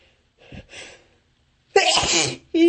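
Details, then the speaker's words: A quick inward gasp, then one loud, forceful sneeze and the start of a voiced sound, in a playful, deliberately performed sneezing clip with talk about sneezing; sneeze. "Oh. I want to sneeze. I sneeze all over you."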